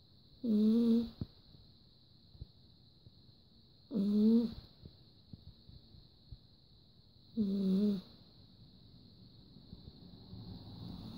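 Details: Snoring during sleep.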